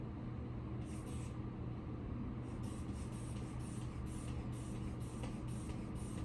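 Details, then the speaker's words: Rhythmic soft hissing squeezes, about twice a second, as a hand-bulb blood pressure cuff is pumped to about 20 (kept below 30) as biofeedback for neck muscle activation in a patient with C6–C7 cervical strain; simulated physical therapy practical. "We wanna keep the blood pressure cuff below 30, so don't let it go above 30, otherwise again, we're contracting the wrong muscles, okay? I'm gonna be also having you do some activities with it as well, okay? Okay. I'm just gonna pump this up."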